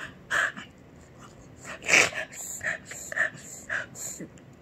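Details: Dog (Rufie) with a run of short, harsh, raspy bursts: dry hacking cough with gasping breaths between.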